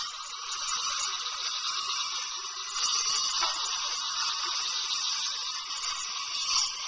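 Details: Continuous high-pitched whirring and whine of a dental drill during a tooth filling, pitch and loudness shifting slightly; recorded on a Flip Video camcorder.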